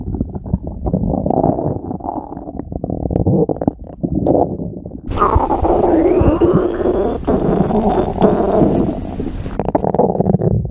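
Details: Low, rumbling, gurgling stomach growls with a rising squeaky gurgle midway from a woman in a bikini: ordinary bowel sounds.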